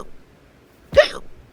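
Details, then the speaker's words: A single abrupt, voiced hiccup in a quiet room, acted in a toy skit where a character gets hiccups after eating too much candy; simulated hiccup. "yeah I think you have hiccups yeah you definitely have hiccups dude wait hiccups what does that mean well it means you eat something too much you have hiccups"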